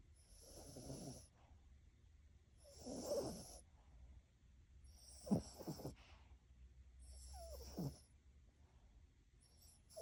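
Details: Poodle asleep: soft, fluttering snores with a whistling edge, about 27 a minute; quiet ordinary dog snoring.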